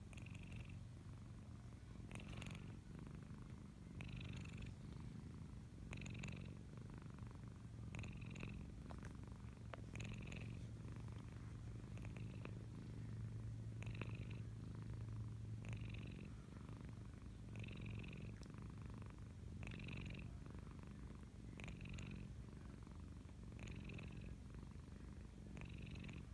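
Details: Flat-faced (brachycephalic) cat sleeping on a bed while being petted, eyes and mouth half open: low continuous purring with rhythmic snoring snorts about every two seconds; filmed 2019, and she rarely snores now.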